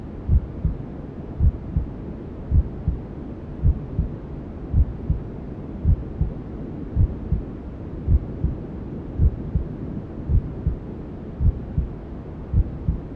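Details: Newborn sleep ASMR: steady soft maternal heartbeat thumps about 54 a minute under constant white-noise hiss, a mother's heartbeat as heard in the womb.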